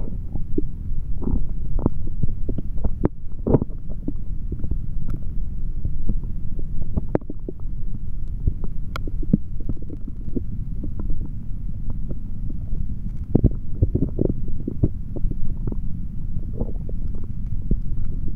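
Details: Adult male stomach sounds recorded with a stethoscope on the belly after drinking a chocolate protein shake: low rumbling with irregular gurgles and clicks, ordinary active bowel sounds (stomach growling).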